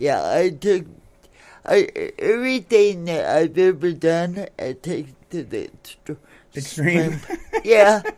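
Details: Adult woman born in 1959 with cerebral palsy since birth, attributed to oxygen cut off to the brain during delivery, affecting speech and motor skills; some listeners have difficulty understanding her; dysarthria.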